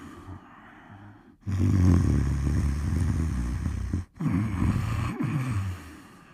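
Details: Snoring: loud, low, rattling breaths in long bursts with brief pauses between them, typical of heavy snoring during sleep.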